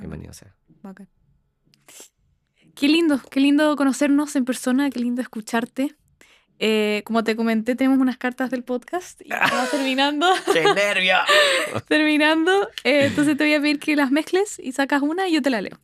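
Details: Adult woman speaking Spanish; typical speech.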